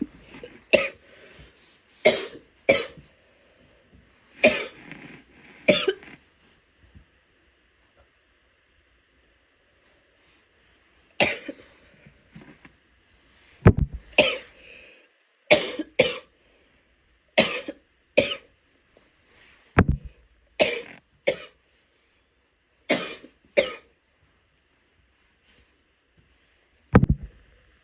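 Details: Adult woman: repeated loose wet coughs, mostly in pairs, with quiet pauses and some spitting.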